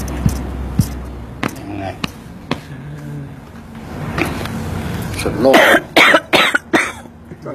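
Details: Productive cough whose phlegm comes out only after coughing and resting: a few loud, wet cough bursts after quieter room noise and faint voices.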